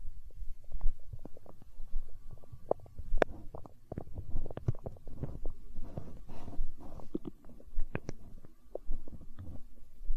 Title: Stomach growl